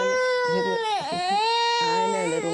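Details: Young girl with a cough during a GP throat examination, described as chesty with audible phlegm on coughing. Loud, sustained, high-pitched infant crying with a short catch in the middle.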